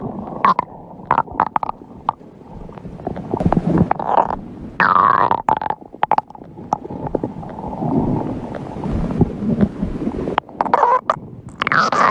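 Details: Loud gurgling, rumbling bursts with squeaks and bubbling, recorded close up; stomach growling (borborygmi) from hunger in a person who says they are pretty hungry.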